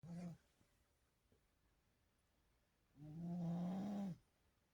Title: Sharpshooter snoring